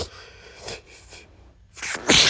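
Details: Adult male with pollen allergy, congested, repeated sneezing fits: brief sniffing build-up ending in one loud, explosive sneeze; sneeze from allergic rhinitis.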